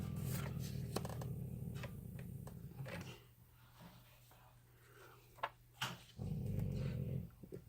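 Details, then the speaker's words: Dog sleeping at its owner's feet: low, rumbling snores, two long breaths separated by a quiet pause, faint room noise; ordinary dog snoring. "oh oh you didn't hear it but that's my dog down there snoring at my feet"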